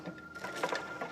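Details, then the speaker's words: Fetal monitor during a non-stress test at 32 weeks of pregnancy in a 29-year-old hospitalized with premature rupture of membranes and a breech baby: soft, rapid whooshing fetal heart sounds over steady electronic hum. "I'm going to put you on the monitor here. Take a listen to the baby doing what they call a non-stress test."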